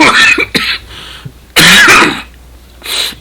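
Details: Two harsh, forceful adult coughs, each followed by brief throat clearing, with a short pause between them; coughing fits recorded while gaming.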